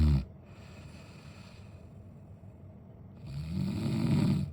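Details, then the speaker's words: Loud, low, rough snoring from a sleeping adult man who fell asleep watching his phone, with a quieter stretch between louder snores. "আমার তো প্রথম প্রথম প্রচন্ড অসুবিধা হতো এই নাক ডাকার আওয়াজ শুনে কিন্তু এখন ওর সঙ্গে থাকতে থাকতে অভ্যাস হয়ে গেছে আর আমার আর কিছু মনে হয় না"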